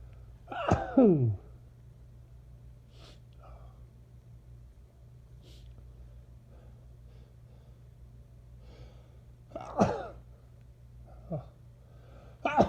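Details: Several loud, forceful allergy sneezes with honking, falling-pitch voiced sounds.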